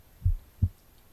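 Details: Adult's own heartbeat recorded from the left side of the chest during an ASMR book reading: soft low lub-dub pair, one beat captured; normal heart sounds.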